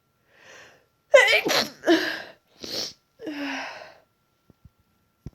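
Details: Sneezing deliberately induced by a person who woke congested with a tickly nose: a run of several forceful sneezes with catching breaths between, then faint sniffs; congestion worsened afterward.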